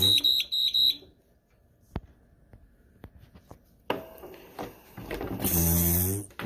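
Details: ParaPac transport ventilator start-up alarm.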